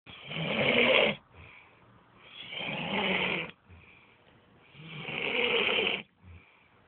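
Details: Sleeping adult male snoring heavily: three loud, harsh, rattling snores about every two and a half seconds, each followed by a brief soft breath.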